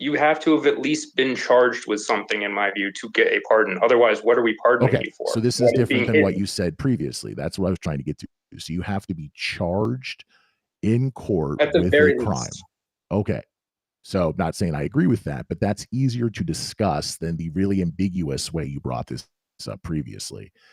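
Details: Adult male speaker; Normal speech.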